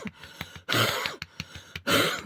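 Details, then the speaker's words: Demonstration of a residual cough done gently without striking the vocal folds: two breathy, open-throated cough bursts without a sharp glottal snap; cough without vocal fold closure. "Как раз у меня остаточный кашель пригодился. В этом случае ваши голосовые складки в безопасности, и они не травмируются, не ударяются друг от друга."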